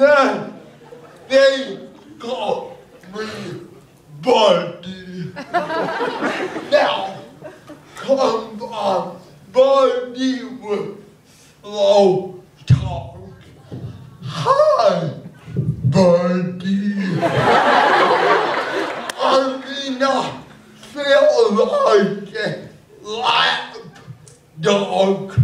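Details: Adult male comedian with cerebral palsy, slow speech that is hard to understand; dysarthria (cerebral palsy).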